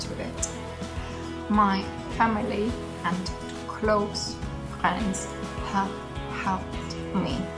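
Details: Person with aphasia that began with a hospital stay; initially could say only yes and no, took a year to realise she had aphasia; still improving over time; aphasia.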